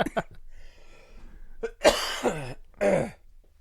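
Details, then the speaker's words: Man with a cold or allergies and chest congestion coughing: a few harsh, loose coughs with throat clearing; wet congested chest cough. "Yeah, if I get past the cough and the junk broke up in my chest, I think I'd be good."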